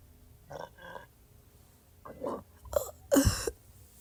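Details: Retrograde cricopharyngeus dysfunction (R-CPD): soft gurgling throat croaks, then two louder burp-like bursts, with some little burps and hiccups.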